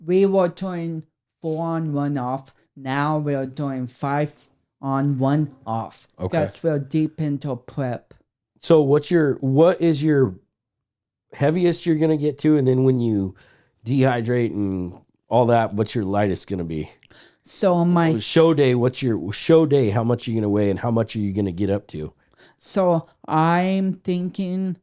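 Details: Adult men in conversation; normal speech.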